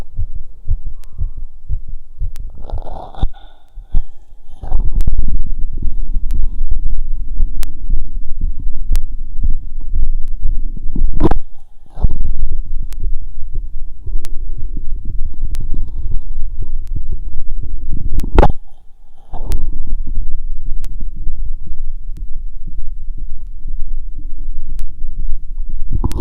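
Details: Steady low normal heart thumps through a stethoscope after a 2 km run, at pulmonic, aortic, Erb's and Botkin areas, with scraping noise as the chest piece moves.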